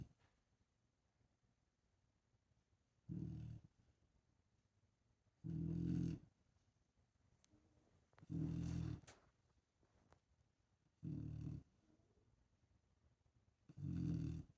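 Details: Female snoring louder than most people: five deep, low, rumbling snores about every 2.5 seconds, roughly 22 a minute, with quiet pauses between them in a small room.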